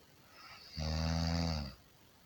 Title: 50 minutes of Snoring sound - Snoring like nobody else